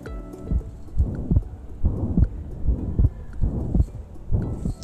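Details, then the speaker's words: Simulated pansystolic murmur on a skills-lab simulator, heard at the mitral area at about 70 beats a minute: the murmur starts with S1 and merges with S2, so S1 and S2 cannot be told apart; holosystolic. "the murmur starts with the first heart sound, merges with the second heart sound. We cannot differentiate between S1 and S2. It's a holosystolic quality."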